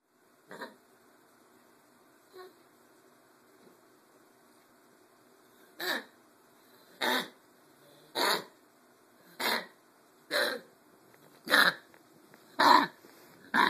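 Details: Puppy gives two soft coughs, then about eight harsh, evenly spaced coughs; vet diagnosed a sore throat, owner suspects kennel cough: cough in a dog.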